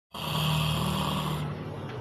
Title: Snoring is cuter than anything ever when sleeping 😴😴